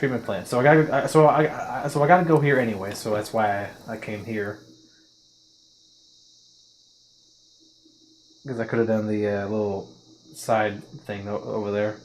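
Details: Adult man with a self-reported stutter since childhood that worsened around puberty; he uses face scrunching or filler words to push through blocks: stuttering.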